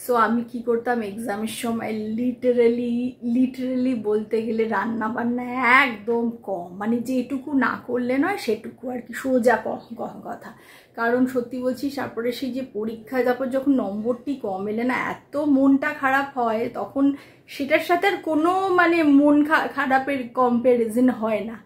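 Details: Adult female who reports stammering issues, with occasional difficulty speaking; word repetition; stuttering.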